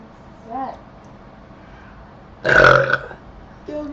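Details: A single loud, drawn-out burp under a second after drinking cream soda, with brief voices before and after; burping.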